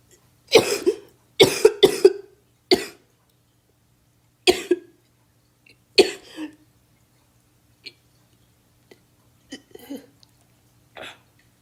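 Dry, harsh coughs: a quick cluster of about four, then three more single coughs, followed by softer throat-clearing sounds in a quiet room.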